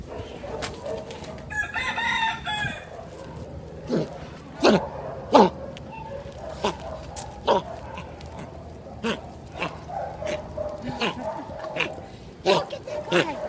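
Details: A 4-month-old dachshund–miniature pinscher mix puppy at a shelter with kennel cough: a honking, goose-like sound, then a run of short, harsh hacking coughs. Kennel cough (honking cough).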